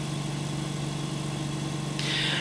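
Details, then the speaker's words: Canta Intelligent V 8 L/min veterinary oxygen concentrator switched on and flow dial turned up from zero, bubbles in humidifier: steady low machine hum with soft hiss rising near the end; oxygen concentrator running. "we're ready to turn on the unit using our power button we're currently sitting at a zero flow rate here so we can adjust that using our dial and as we turn that on we should start to see our bubbles appearing in the humidifier to indicate that oxygen is now flowing"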